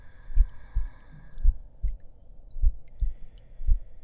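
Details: Heartbeat track in an ASMR roleplay audio while the listener lies on a bed to rest: soft low thumps, roughly 56 per minute, with a faint background hum.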